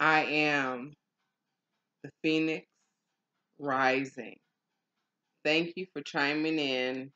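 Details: Adult woman with aphasia after a stroke, in ongoing stroke and aphasia recovery; aphasia.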